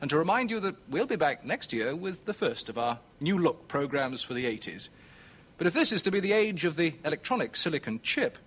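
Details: Adult male narrator; Normal fluent speech.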